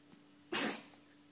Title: Katze niest - a Cat sneezes